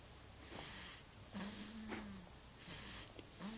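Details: Quiet, rhythmic snuffling breaths with a low droning rattle on inhalation: soft snoring during sleep.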